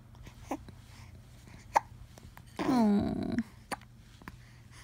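Several brief, abrupt hiccup sounds at irregular intervals, with a short moaning vocal sound partway through, in a quiet room.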